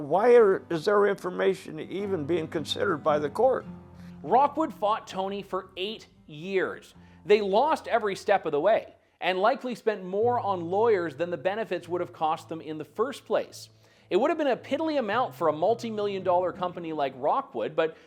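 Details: Adult narrator; normal voice.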